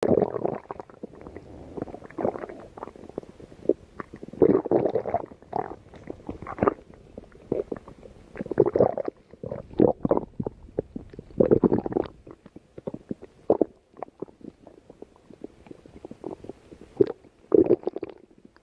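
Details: A person's stomach growling: irregular gurgling and rumbling bursts from the abdomen.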